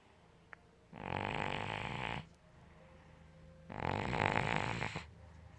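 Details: Cat snoring: two rattling breath sounds with a quiet pause between them.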